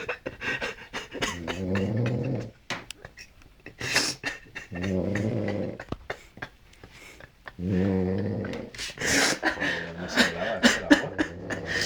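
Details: Low, rattling, buzzy snoring recurring about every three seconds with breathing, over clicks and rustling.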